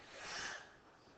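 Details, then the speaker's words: Adult lecturer's brief, hissing, deliberately stifled sneeze near a microphone, rising and fading over about half a second. "so I can't sneeze when I've got a microphone in front of me and so listen to this that was a sneeze right"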